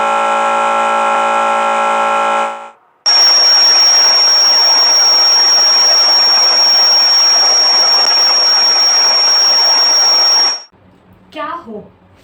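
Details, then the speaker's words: Simulated tinnitus, likened to buzzing of a fly or bee or loud noise in the ear, with loud music cited as a danger: buzzing tone, loud hissing with a high whine, faint chirps. "आप लोगों ने सुना होगा किसी ना किसी से, या फिर कभी आप लोगों के साथ भी ऐसा हुआ होगा कि कान से अचानक से जैसे मक्खी की भिनभिनाने की आवाज़, मधुमक्खी की आवाज़, या फिर बड़ा सारा शोर हो रहा है।"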